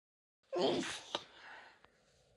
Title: couple of (f) sneezes and some nose blowing